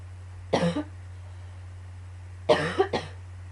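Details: Recurring annoying cough: three harsh coughs, one single and then a quick pair, over a steady low room hum, during yet another coughing fit.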